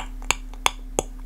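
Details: Male speaker with Tourette syndrome who tries to control his tics and also has eye tics; frequent vocal tic (clucking) in Tourette syndrome.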